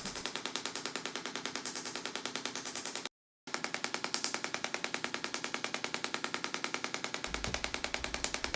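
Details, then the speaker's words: Extracorporeal shockwave therapy handpiece firing rapid, very regular sharp clicking pulses, about 200 a minute, with one brief pause, over the shoulder of a male patient with chronic rotator cuff tendinosis, including supraspinatus tendinosis; redness develops on the skin. "so as we continue to do the shock wave treatment into the area you'll start to see some redness develop and that's bringing in some blood flow to the superficial muscles"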